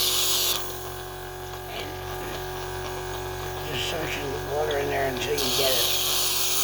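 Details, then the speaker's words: Sunset SU100 portable suction machine with a wand, used by a tracheostomy patient, suctioning water to rinse the wand and tubing: a steady motor hum with a higher whirring tone and brief speech, at moderate volume. "It's not going to let some dry or stick. I let it run in here and suction."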